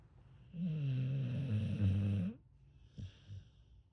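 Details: Sleeping American Bully/pit bull dog: one long, loud, vibrating snore lasting nearly two seconds, followed by quieter snuffly breaths; snoring.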